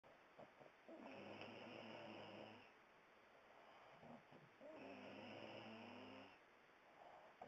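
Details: Snoring: two long rattling snores on the in-breath separated by quieter out-breaths, roughly one breath cycle every four seconds; ordinary snoring.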